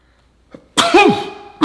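A brief indrawn breath followed by a loud explosive sneeze burst in a small room.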